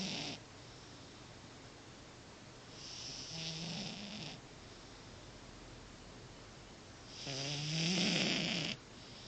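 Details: Cat snoring during sleep: slow, rasping, hissy breaths recurring a few seconds apart, some with a fluttering rattle, in a quiet room.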